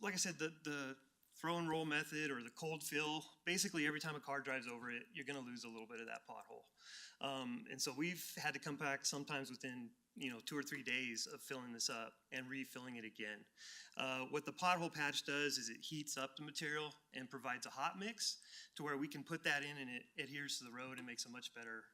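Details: Adult male speaker; Normal speech.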